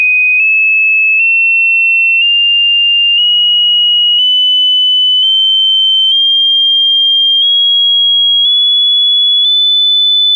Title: PNHS Anatomy & Physiology Hearing Test